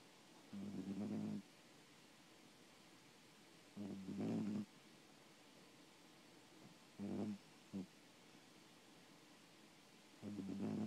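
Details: Soft, low buzzing snores every few seconds with quiet pauses between, about 19 a minute; snoring.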